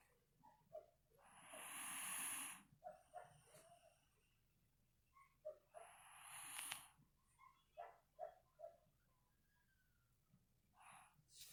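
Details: Dog snoring: two long, rough, noisy breaths with snorting between, each followed by softer short snuffles.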